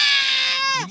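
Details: An irritated, sleepy infant gives a single loud, high-pitched, sustained wail that falls in pitch at the end, while being urged to cry louder for the camera.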